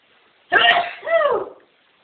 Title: Sneeze 3